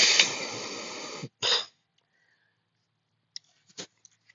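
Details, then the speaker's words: Person with allergies blowing nose: a long forceful airy nasal blast, a shorter second burst, then faint sniffs and clicks. "If you hear me blow my nose, I'm very sorry."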